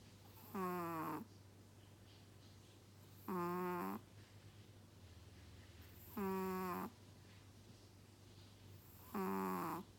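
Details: Sleeping Chihuahua: high, squeaky, whistling snores at about 21 a minute over a steady low room hum; snoring.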